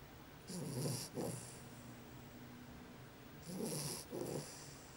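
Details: A sleeping dog snoring: two breath cycles of soft, rattling snores, each with a snorting inhale and a breathy exhale.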